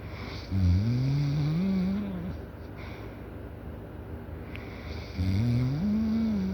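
Loud rumbling snores on breathing in, two in about six seconds, over steady room noise.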